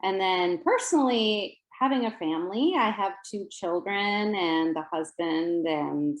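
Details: Adult woman speaking; Typical adult speech.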